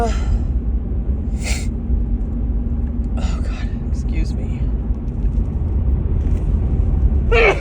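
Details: A few sharp, forceful sneezes over road and engine rumble; repeated big sneezing in a female, suspected grass pollen allergy.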